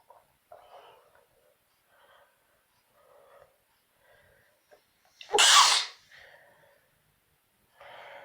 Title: Sneezing self induce